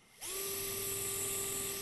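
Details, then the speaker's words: A powered orthopaedic drill spins up to a steady high-pitched whine as a blunt drill bit drives through the far cortex of a generic bone model in a skills lab; the bit then penetrated about 2 cm into soft tissue. "now stop let go of the drill sleeve hold on to this and now drill through the trans cortex"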